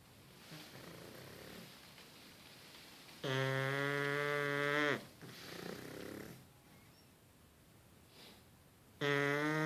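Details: Several pug puppies snoring in sync, with loud, rattling, buzzy snores on the in-breath and softer snuffling breaths between: typical flat-faced dog snoring.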